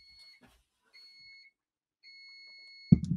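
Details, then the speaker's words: Repeated steady electronic beeps and a brief thump: the alarm of a knee injury patient's icing and compression machine, which inflates every half hour and alarms when the leg is not in it. "that's the icing and compression machine inflating itself every half an hour and if my leg's not in it then it starts going berserk"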